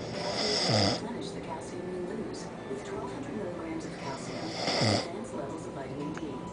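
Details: Person who denies snoring, recorded about 90 seconds after last having eyes open: two loud, rough snores about four seconds apart over quiet background; snoring.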